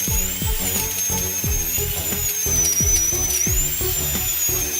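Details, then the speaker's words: Steady high-pitched dental drill whine over loud background music: a diamond bur removing black decay from a cavity along marked lines, with the patient lying flat. "The doctor first uses a diamond drill to remove the humus Humus is the black substance on cavities."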